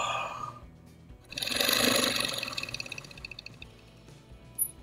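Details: Person with cystic fibrosis and lowered lung function doing airway clearance: a steady, prolonged exhalation through a handheld oscillating PEP device gives a rapid fluttering vibration of about 220 pulses a minute.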